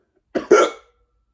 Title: Hiccups / hoquet